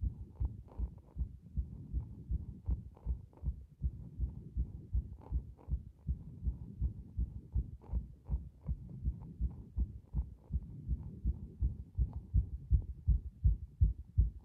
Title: 不整脈が大量発生している心臓の動画